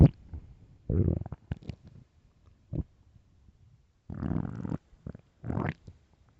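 Loud low gurgling growls and short bubbling pops from the belly, in bursts with silence between; normal stomach growling.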